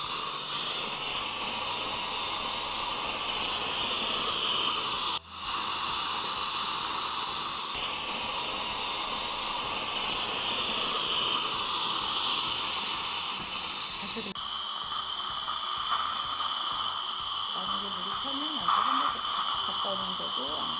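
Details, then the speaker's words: Steady loud hiss of dental high-volume suction drawing up water and spray, gurgling as the tip moves, during upper anterior tooth preparation, with the tip held buccally and the metal tip removed. "상 전치 랩할 때는 재빠르게 메탈 팁을 빼고 메탈 팁이 없는 상태로 버컬 쪽에 가져다대고 에어로를 흡입해 줘야 됩니다"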